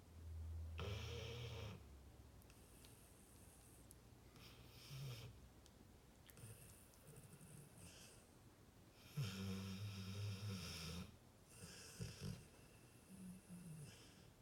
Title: funny pitbull sleeping and snoring !!!